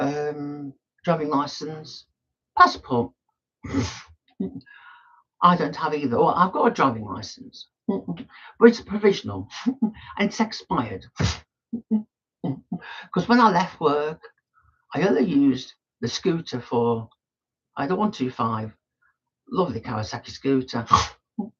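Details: Adult male woodturner with Tourette syndrome; snorting and laughter vocal tics interrupt his speech.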